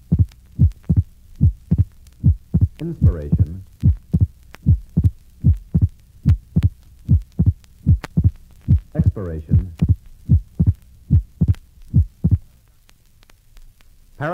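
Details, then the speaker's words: Patient with atrial septal defect, murmur removed from the recording, through inspiration and expiration: abnormally wide second-heart-sound splitting that stays relatively fixed with breathing. "listen to a patient with an atrial septal defect you'll note that splitting of the second hard sound is abnormally wide and relatively fixed"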